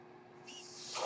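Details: Speaker's own mechanical ventilator heard while the user talks during a podcast recording: a soft, airy hiss swells steadily over a faint constant hum; a mechanical ventilator breath cycle.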